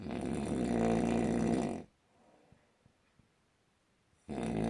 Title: Worst Snoring Ever!!!